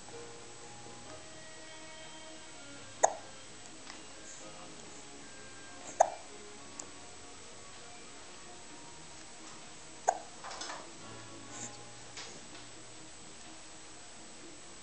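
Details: Three sharp, abrupt hiccup clicks several seconds apart over faint background music. Hiccups.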